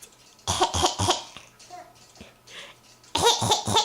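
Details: Infant girl coughing: two short bursts of three quick coughs each, with quiet babbling between them, while playing with Grandma.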